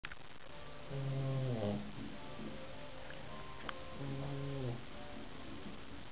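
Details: Two drawn-out, droning, musical snores with steady pitch from sleeping French bulldog puppies against low background noise.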